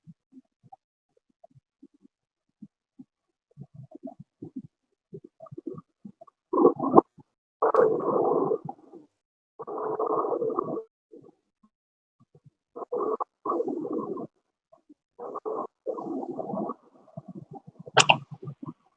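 Repeated breath sounds carrying several overlapping musical, whistling tones at once, recurring with each breath: polyphonic wheezes.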